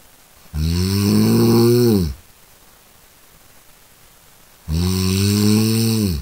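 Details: Snoring sound effect: two loud, buzzing, low-pitched inhaled snores about four seconds apart, separated by quiet.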